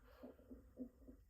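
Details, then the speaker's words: Adult man's stomach growling while he talks: soft, low, irregular gurgling rumbles, ordinary bowel sounds (borborygmi), normal gut activity. "then that's my stomach going again. I don't know if you can hear it. It's going crazy."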